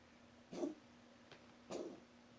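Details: Cat coughing: two short, harsh coughing bursts with a faint click between them over steady low room hum.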